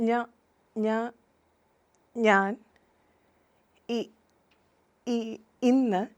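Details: Demonstration of stammering with repeated words at the start of speech.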